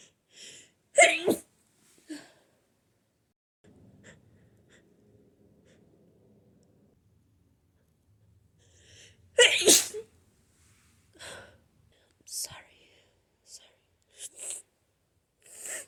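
Two big, forceful sneezes, each after a long, noisy, catching build-up breath, then sniffles. Sneezing from a cold.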